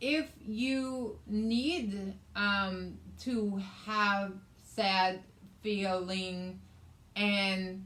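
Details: Adult woman with aphasia, also affecting reading and writing, plus right-sided hemiparesis after a hemorrhagic stroke on May 19th 2020 treated with brain surgery and ICU care; aphasia.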